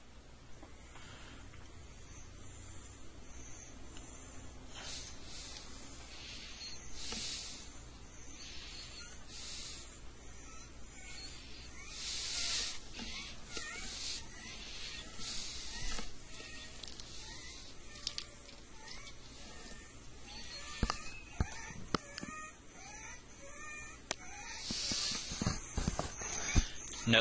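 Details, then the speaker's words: Rapid, harsh, noisy breaths from a child with croup and chest retractions: inspiratory stridor, audible without a stethoscope, a sign of upper airway narrowing. "strider this is audible sounds that you will hear before you even put a stethoscope on a child"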